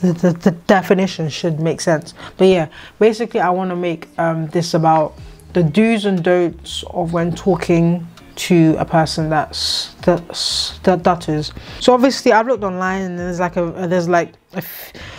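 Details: 26-year-old woman with a lifelong stammer that has come and gone, at times severe, previously treated with speech therapy, more prominent here because she is tired after poor sleep; stuttering (stammering).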